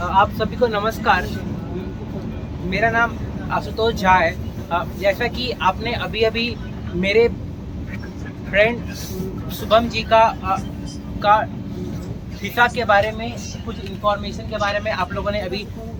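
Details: Man who stammers, a member of a stammering self-help group, speaking Hindi during speech practice on a train after a communication workshop; stuttering.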